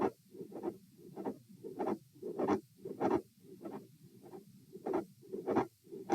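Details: Heart sounds at auscultation position A during a stress test, with the adult standing: a regular rhythm near 97 per minute, a mid-systolic click and a split S2.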